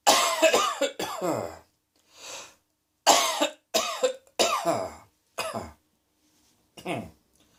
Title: Cross Dressing Coughing 30